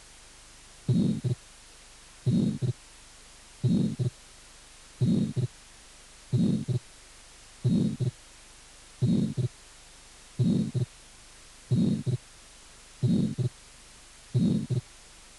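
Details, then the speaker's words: Atrial septal defect: a pulmonary ejection systolic murmur with wide, fixed splitting of the second heart sound. "sopló sistólico ejectivo pulmonar con desdoblamiento amplio y fijo del segundo ruido en la comunicación interna auricular"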